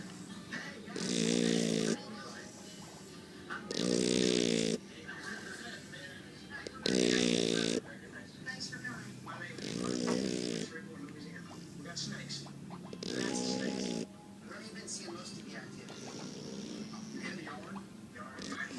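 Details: Shar Pei dog snoring: repeated loud, buzzing snorts on breaths in, roughly every two to three seconds, over room noise.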